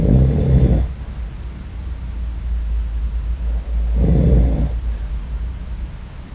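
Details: Two deep, rumbling snores about four seconds apart, with quiet low room noise between them, from a man sleeping, recorded with a snoring-recording app: snoring.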